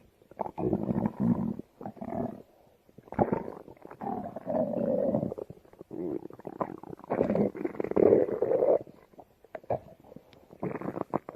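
Loud, long gurgling and squeaky growls are picked up close to the belly. These are normal stomach growling sounds.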